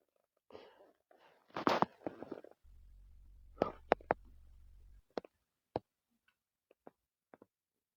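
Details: Male stomach growling: soft gurgling rumbles followed by scattered short pops and squeaks from gas and fluid moving through the gut; borborygmi.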